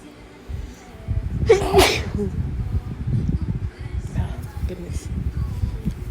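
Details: One forceful sneeze deliberately induced with the chhinkni technique, a sharp burst of breath followed by heavy breathing, with low background noise from trying to muffle it; sneezing.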